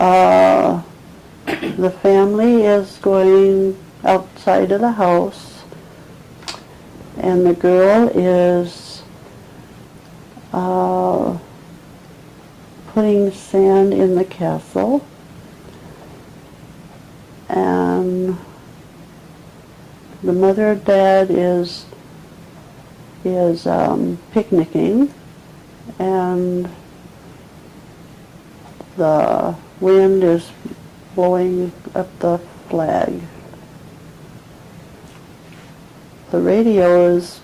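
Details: 74-year-old woman with 2 years of trouble getting words out, dropping connecting words and writing fragmented texts, with mild dementia, describing a picture with fragmented sentences, agrammatism and effortful halting speech; nonfluent agrammatic primary progressive aphasia.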